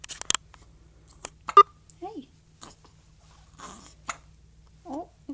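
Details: Eight-day-old baby girl with hiccups: short sharp catches of breath repeating amid soft chirps and room noise.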